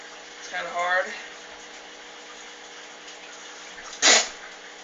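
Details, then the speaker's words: Self-induced sneeze challenge, trying to keep eyes open: a short vocal build-up, then one sharp explosive sneeze burst near the end, over steady running-water and room noise. "today what I'm going to do is make myself sneeze with this thing it's easy and when I sneeze I'm going to try not to make any weird faces or or close my eyes"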